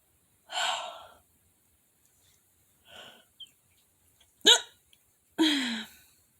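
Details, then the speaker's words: Hiccups in an adult, a short burst after none for a long time: sharp, abrupt inhaled hiccup sounds with short gasps, repeating irregularly about once a second. "Oh my goodness, did I stop hiccuping? Are my hiccups done? Don't count your hiccups before they hatch."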